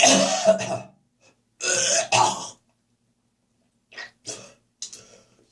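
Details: Heavy morning coughing session: harsh, wet coughing and throat clearing with gagging, followed by short spitting sounds; productive cough.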